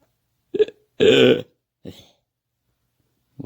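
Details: Sound from a short cartoon animation about losing a sneeze: three short bursts, the middle one a long, deep, throaty voiced belch; a burp, not a sneeze.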